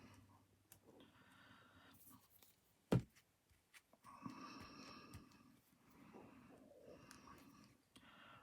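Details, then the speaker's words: Adult's tummy rumbling, audible while they chat during a journal-crafting session. "I do apologise if you can hear that noise. That is my tummy rumbling."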